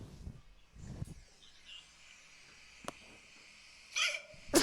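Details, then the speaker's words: Adult man recorded by his daughter while wearing an Oculus headset after taking Ambien, during what he calls his most severe case of hiccups: a few abrupt, sharp gulping catches against quiet room noise. "It's just me hiccuping with an Oculus on. And I'm going, oh my God. Probably heard the hiccuping."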